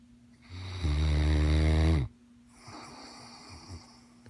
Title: More snoring mastiff